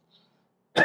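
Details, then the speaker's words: An adult with an ongoing cough: after a faint breathy sound, a single abrupt, harsh cough burst starts at the very end and is cut off. "as you can hear i'm still coughing i do apologize ahead of time for any coughing that you might be annoyed by i can't really do much about it to be honest with you"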